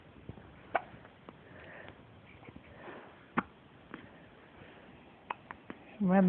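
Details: Baby girl with hiccups: soft, sharp catches of breath recur every second or two in a quiet room, ending in brief fussing.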